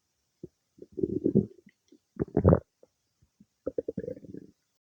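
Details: Irregular gurgling and rumbling bursts from the stomach; normal bowel sounds of digestion some time after eating cake.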